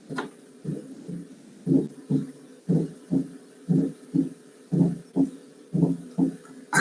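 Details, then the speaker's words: Fourth heart sound (atrial gallop), tied to the active atrial filling phase: low, dull heart sounds at about 60 a minute with a soft extra sound just before S1, giving a galloping rhythm. "entonces este es el galope auricular o no"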